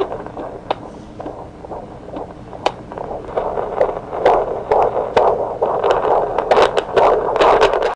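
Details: Fetal heart sounds in pregnancy picked up by Doppler: rapid, rhythmic whooshing pulses with scattered clicks.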